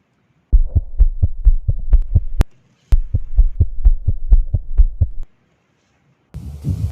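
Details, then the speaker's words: Rapid regular thumping heartbeat, roughly 130 a minute, through a stethoscope during a newborn physical examination, listening with bell and diaphragm for gallops, rubs or murmurs: a newborn's heart sounds. "heart auscultate each area of the heart with a bell and with the diaphragm for low pitch sounds oscar takes the heart with the bell"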